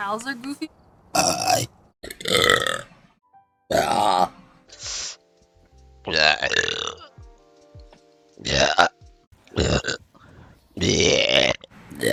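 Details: Burping from a vtuber's stream compilation: a series of loud, drawn-out burps one after another, with game music and brief talk in the background.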